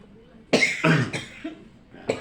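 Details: Three harsh, loose coughs in quick succession, then a shorter fourth, in a quiet room. An older woman coughs every night and has leg pain on waking; a doctor reportedly said allergy; cough.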